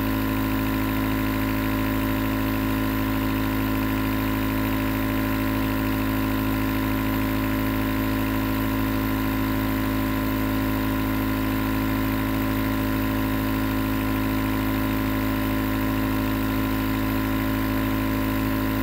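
Steady mechanical hum with a rapid, even buzzing pulse from a compressor nebulizer running continuously.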